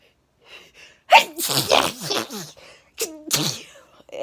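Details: Repeated sneezing while cleaning a dusty room with cobwebs and mold: a quick intake of breath, a loud explosive sneeze, then soon another sneeze.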